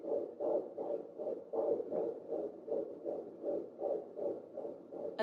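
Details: Fetal heartbeat found fairly quickly on an at-home pocket Doppler in a fifth pregnancy, with an active baby: rapid, regular whooshing pulses at about 158 beats a minute, normal.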